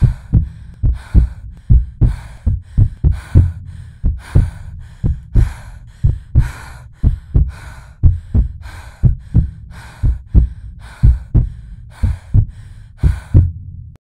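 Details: Artificially created, edited heartbeat simulating anxious palpitations at 180 bpm slowing to a calm 60 bpm: regular, quick, deep paired thumps settling toward resting rate.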